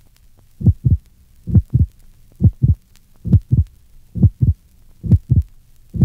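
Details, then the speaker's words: Patient with mitral stenosis: regular heartbeat about 67/min with a loud, sharp first heart sound from delayed mitral closure, fibrotic leaflets and high left atrial pressure. "fibrotic leaflets and high left atrial pressures also contribute to this loud sharp first heart sound which is now heard refer to figure 20."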